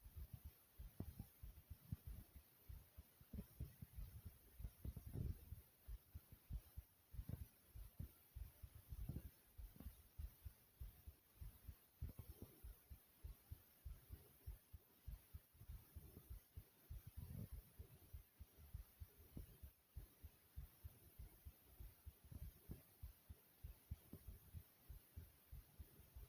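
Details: A person's own fast, forceful heartbeat with rapid, strong thumps at about 98 a minute, plus a few faint stomach gurgles and growls.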